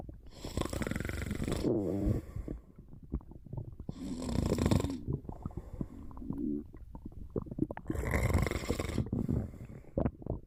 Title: Just a little nap^^ Snoring and stomach sounds